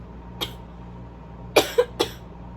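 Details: Allergy sneezing fit with arms held above/behind the head: three short, sharp bursts of air in quick succession against a quiet room.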